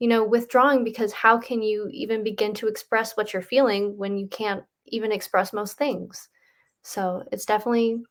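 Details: Adult woman speaking; normal speech.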